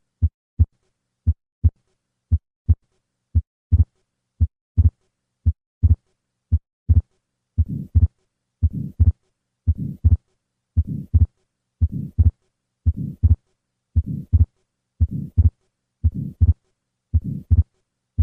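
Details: Atrial septal defect, heard best at second left intercostal space with patient sitting up: regular heart sounds near 57/min, then fixed split S2 (delayed pulmonic closure from prolonged right ventricular ejection) and soft grade 2–3 systolic flow murmur across pulmonic valve.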